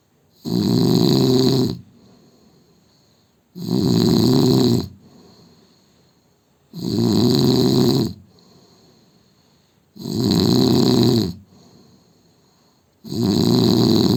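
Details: Adult Indian man snoring: loud, regular rasping snores on each in-breath, about 19 a minute, with quiet breathing out between them.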